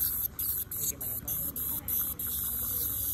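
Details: Ultrasonic scaler removing long-standing tartar from a dental patient's teeth: high-pitched steady hiss with water spray, broken by brief pauses as the tip lifts off the teeth.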